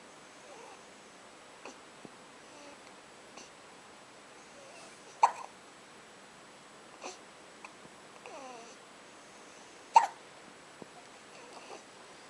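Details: Baby girl at 2:30 a.m. after a feeding, looking up at her father: short, abrupt, irregular hiccups, some louder, with soft baby vocal sounds between; hiccups.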